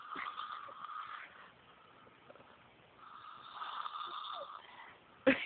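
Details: Two long, soft, buzzing breath sounds from a sleeping female, then a sharp noise at the end; snoring.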